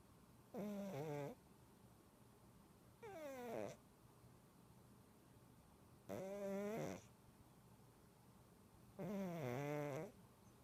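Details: Large 21-lb cat snoring while asleep: loud, tonal snores about 20 a minute, each with a whistling, sliding pitch; snoring.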